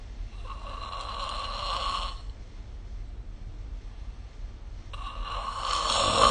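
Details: Two loud, rough rattling snores on the in-breaths about four seconds apart, quiet breathing between, recorded during sleep with the SnoreLab phone app; snoring.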